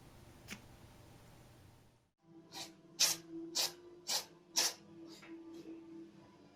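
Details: Kitten in a sneezing fit, already about 20 sneezes in a row, possibly from nasal irritation: a run of about five quick, sharp sneezes close together over soft background music.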